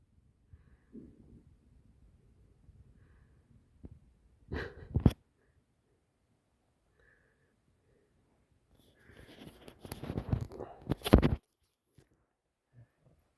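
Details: Sleeping puppy: a few short, harsh nasal snorts and noisy snoring breaths separated by quiet stretches, with music in the background.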